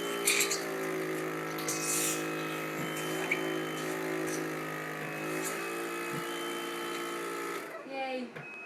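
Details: Girl using a mechanical insufflation-exsufflation (cough assist) device while counted one to four: a steady motor-like whirring hum that shifts pitch slightly, then cuts off near the end.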